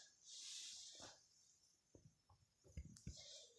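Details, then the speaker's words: Abdominal auscultation with the stethoscope diaphragm, starting in the left lower quadrant and moving clockwise: soft hissing with brief irregular low gurgles and clicks, normal bowel sounds (normal 7–12 per minute). "dengerin suaranya suaranya itu kayak bising namanya juga bisnis khususnya diburu waktu-waktu itu kalau anda later itu bising usus"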